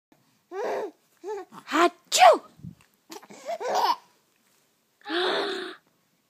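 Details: A 19-week-old baby gives voiced giggles and short cries, then a loud, noisy burst near the end: a sneeze.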